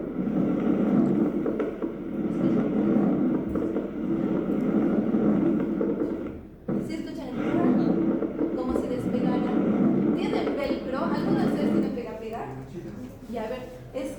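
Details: Crackles heard over normal vesicular breathing in a teaching recording: soft rushing breath sounds with brief, fine popping clicks layered over them, most evident later in the recording.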